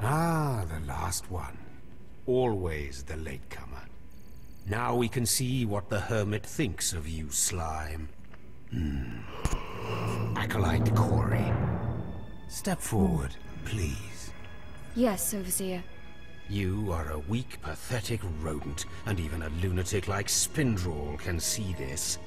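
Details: Adult male voice actor, game dialogue; normal speech.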